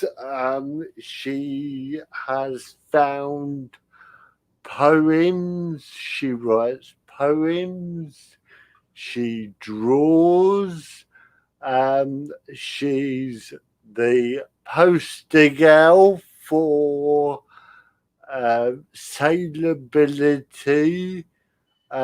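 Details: Spastic dysarthria in an adult male with spastic cerebral palsy. He cannot control his limbs properly and his speech is affected. He attributes it to lack of oxygen at birth, when he stopped breathing.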